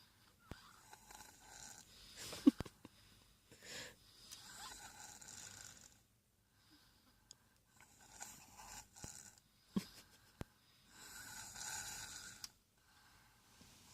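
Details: Snoring while sleeping in a car's back seat, hat pulled down: soft, slow rasping snores about every four seconds, faint clicks and car interior noise.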